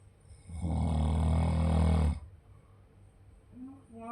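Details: One long, loud, low rattling snore on a breath in, lasting about 1.5 seconds, then quiet breathing; snoring.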